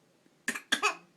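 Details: Young child gives two short, dry cough bursts, acknowledged as fake; voluntary pretend cough.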